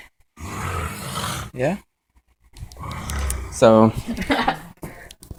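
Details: An adult man, asleep, snoring loudly: rough, rattling snores with a loud snorting, groaning catch partway through; heavy snoring.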